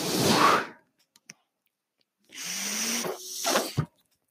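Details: The podcast host's own mechanical ventilator, heard while he speaks: two airy hissing bursts, one with a steady low hum, separated by soft clicks, the ventilator cycling.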